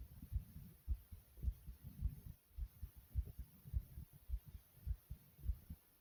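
Strong, regular low thumps at about 105 beats a minute, with a few soft gurgling stomach noises in between: a fast, forceful heartbeat.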